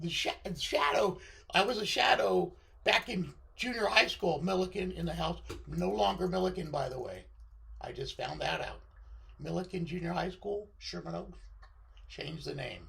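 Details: Male speaker with left-sided vocal cord paralysis following surgery, which limits his voice control; vocal cord paralysis (unilateral).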